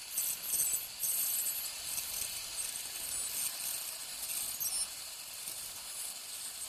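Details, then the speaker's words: Ultrasonic piezoelectric bone saw cutting crestal osteotomies with light sweeping strokes during dental sinus surgery, near the canine root: thin, very high-pitched hiss rising and falling in short runs. "very little pressure just more of a sweeping motion and uh this saw cuts vertically as as well as as sagittally so it you gives you a two-dimensional in ision I just switched it's the same the same concept it's a bone saw"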